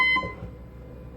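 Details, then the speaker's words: Two quick electronic beeps, then quiet, as a Puritan Bennett 760 ventilator silences its alarm for two minutes and resets it just after ventilation starts (volume control assist control, rate 14, tidal volume 500, PEEP 5, 21% oxygen); ventilator alarm reset beep. "we accept our settings are accepted we're now ventilating here your alarm silence for two minutes to reset the alarm"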